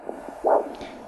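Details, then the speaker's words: A single short whooshing pulse over soft background hiss: a normal arterial Doppler signal over the posterior tibial artery at the ankle, heard with a handheld Doppler during ankle-brachial index testing. "and let's just take a listen over the posterior tibial nice pulse waveform there"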